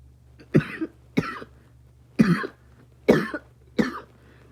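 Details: Five separate short coughs, each a sharp burst with a brief rough tail, over a steady low hum.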